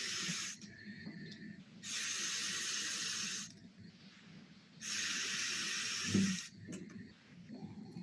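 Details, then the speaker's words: SaberFlow CPAP device at a measured flow just under 40 L/min with the O2 enrichment knob fully closed (FiO2 about 30–32%). Loud rushing air bursts alternate with quieter gaps, about 20 cycles a minute, through the mask circuit. "the measured flow there is sitting at around about just under 40 liters per minute my oxygen enriched mixture is still closed completely"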